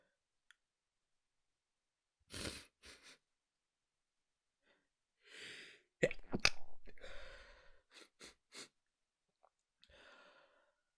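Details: Stifled sneezing held back in the morning to avoid waking others: quiet breathy bursts and a few muffled, held-back sneezes with soft sniffs between them.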